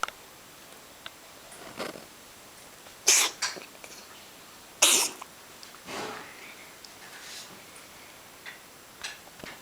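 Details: Female cat sitting on a bed suddenly starts sneezing: two short, sharp sneezes with a few softer snuffles between, over faint room noise.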